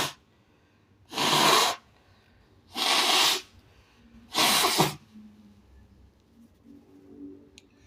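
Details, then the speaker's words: Shirtless person (he/they), after saying he has to sneeze and is sweating, gives three loud, forceful, wet sneezes about 1.5 seconds apart in a quiet room, then soft breathing. "Let me see. I have to sneeze. Finally."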